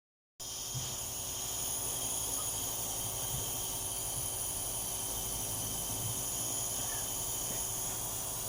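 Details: Compressor nebulizer running for a dog with kennel cough: steady airy hiss over a low motor hum.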